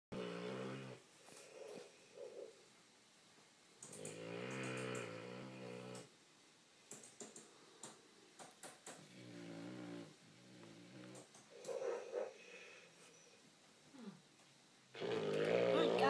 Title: Snoring dog